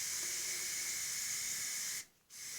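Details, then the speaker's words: Urostomy stoma bag change: Pelican Release minty non-adhesive remover sprayed to free the bag stuck to the skin; steady hissing aerosol spray about two seconds, brief pause, then spraying resumes. "I use Pelican release it's got like a minty smell which is nice and it's a nonadhesive remover because obviously this hair is actually stuck solid to your skin which it needs to be"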